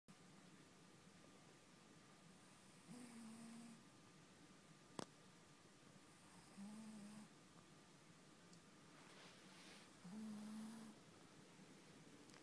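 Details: Three soft, low, buzzing snores at irregular intervals over about twelve seconds against steady room hiss; ordinary snoring.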